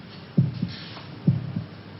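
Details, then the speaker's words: Heartbeat sound effect in a 1968 television drama: two low double thumps about a second apart, near 65 per minute. "Can you hear your heart beating?"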